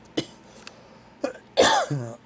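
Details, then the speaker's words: Adult with heart and lung problems who uses two inhalers and has a weak immune system: a few short dry cough bursts, then hoarse throat clearing, triggered by humidity after a hot shower; cough in COPD, not a virus. "so any videos that you guys hear me coughing in it's because of the humidity so I take two different inhalers and it goes by the humidity that"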